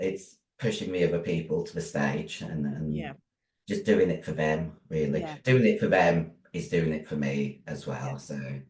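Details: Virilized (androgen-deepened) voice in a 56-year-old female bodybuilder after large-dose anabolic steroid use, including male steroids; voice formerly high-pitched, now very deep, can no longer sing; also has chronic kidney disease.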